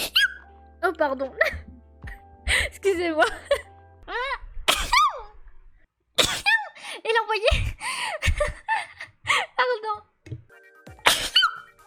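Several sharp sneezes, each followed by a quick spoken apology, with background music.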